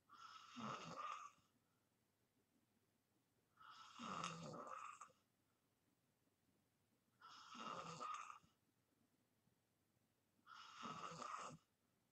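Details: Person filming themselves in deep sleep for white-noise ASMR; long, rough, rattling snores about every 3.5 seconds, roughly 17–18 a minute, with quiet pauses; steady snoring.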